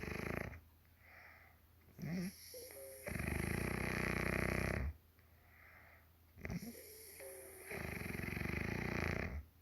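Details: Mother snoring in sleep, ASMR recording: long, harsh, rattling snores on the breath in, with whistling, snorting sounds as each breath begins, about two breath cycles in ten seconds; snoring.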